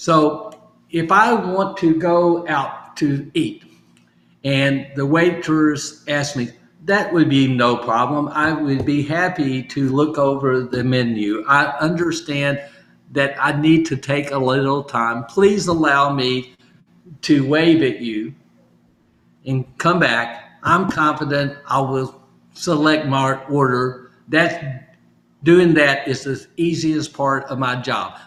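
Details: Adult male speaker; aphasia.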